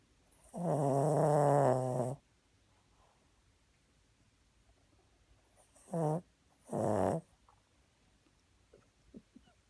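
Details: Sleeping pet snoring, as it does repeatedly: a long rattling snore followed by two shorter snorting breaths.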